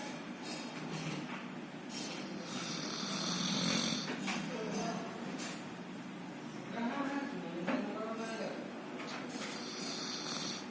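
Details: High-pitched type of snore: repeated whistling snores with rough breathing noise between them, over room noise.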